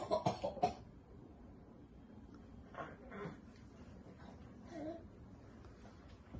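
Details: Child pretending to cough to entice their father to play: a quick run of about four short, light, voluntary coughs, not from illness.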